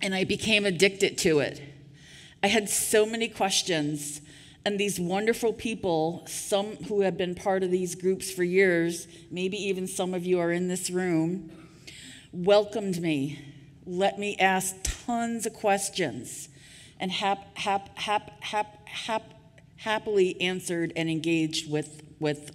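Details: Adult woman who stutters, giving a conference keynote speech; audible part-word and word repetitions; stuttering.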